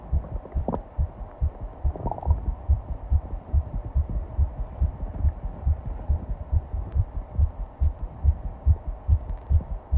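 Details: Rapid, regular low thumping heartbeat at about 140 beats per minute over a soft background hum; fast heartbeat (tachycardia).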